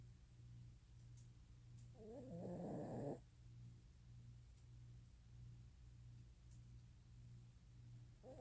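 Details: Female Italian Greyhound sleeping while cuddled: one rough, fluttering snore over a steady background hum; snoring.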